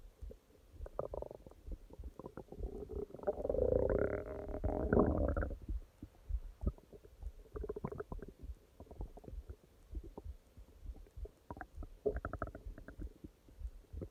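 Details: Stomach growling at night (part 2): low gurgling rumbles with a longer swelling growl and scattered bubbling pops; normal bowel sounds.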